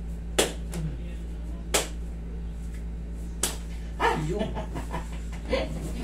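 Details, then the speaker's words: Dialysis patient with knee pain and weak joints during traditional massage (hilot): several sharp cracks and slaps over room noise as the knee is manipulated; audible joint crack. "Yun yung lagutok na ikatutuwa nyo. Pero yung lagutok na nangyari sa inyo, namaga."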